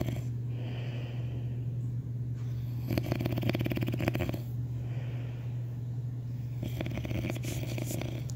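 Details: Snoring: slow, rhythmic snores with a rattling vibration on each breath over a steady low hum.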